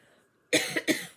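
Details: After a short quiet pause, two loose, fairly forceful coughs from an adult woman, with quiet room noise behind them.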